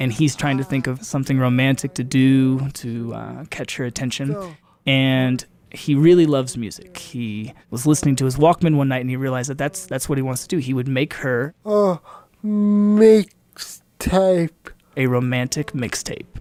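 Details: Adult male narrator; typical speech.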